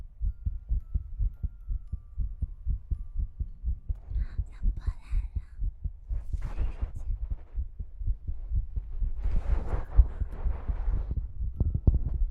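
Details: Steady low thumping heartbeat sound, fast at roughly 120 a minute, with tongue-clicking mouth sounds and ear-cleaning rustling over it, in an ASMR recording; heartbeat.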